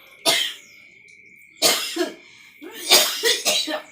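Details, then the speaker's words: Wife coughing on waking, about five harsh, fairly dry coughs as a single cough then two short bouts; husband suspects a cold ("masuk angin") after she got caught in the rain the day before. "Bangun tidur istriku tuh batuk-batuk."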